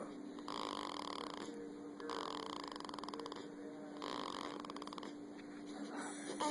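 Three rattling, fluttering breaths about two seconds apart over a steady hum: rhythmic snoring at roughly 30 breaths a minute.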